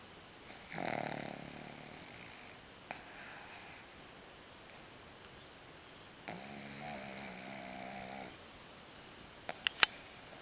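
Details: Bessy snoring while napping, with REM sleep: two soft, buzzing snores several seconds apart in a quiet room, with faint clicks.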